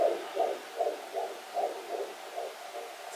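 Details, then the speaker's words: Fetal heartbeat on Doppler during a second-trimester pregnancy check: rapid, regular whooshing at about 150-160 beats a minute, judged normal, with occasional pops from baby movement. "goed hoor klinkt hartstikke goed zeker Ja hoor 150 160 SL paar minuutjes helemaal prima"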